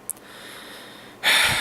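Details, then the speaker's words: A single sharp, explosive sneeze through nose and mouth after a brief quiet pause, from a person whose allergies flare in winter and who says sneezing hurts; sneeze. "good evening people of the Internet I hate sneezing I seriously do it hurts I bite my tongue I by my cheek I bite something it doesn't feel good never has"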